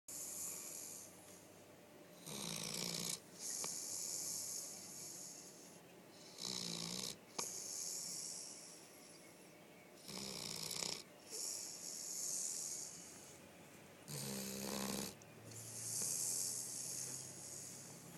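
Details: Sleeping Coonhound dog snoring with rough, rattling breaths about 15 a minute, loud on the in-breath and quieter between; ordinary snoring.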